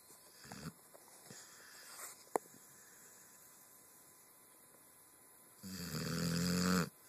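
After quiet breathing, one loud, rough, vibrating snore on an in-breath lasting about a second; snoring.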